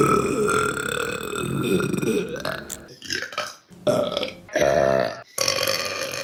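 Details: Burping compilation of women: a series of loud, drawn-out voiced belches with short gaps between them, repeated burping.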